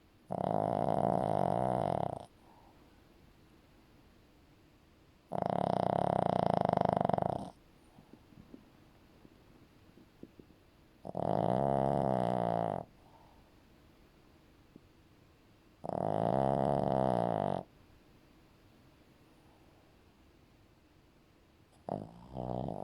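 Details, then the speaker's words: 15-year-old Shih Tzu sleeping: loud, rattling snores, about eleven a minute, with quiet pauses between. "you can have a longer clip of some snoring ASMR from Marley a 15-year-old Shih Tzu"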